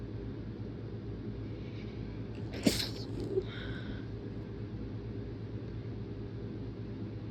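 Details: A single brief, muffled, stifled sneeze against steady room hum; stifled sneezing.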